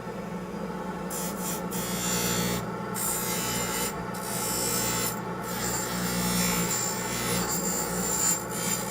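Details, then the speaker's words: Steady rasping grind of acrylic against a spinning aluminum oxide wheel on a lathe, with brief pauses over soft music; bulk trimming of a Hawley orthodontic appliance with anterior finger springs for diastema closure. "and so then I have an aluminum oxide wheel and I use that for uh a lot of the ouch I use that for the bulk trimming"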